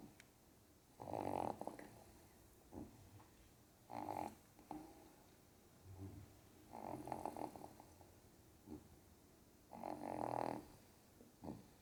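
Soft, rough snorts recur every few seconds with faint snuffling between them. A sleeping dog's snoring.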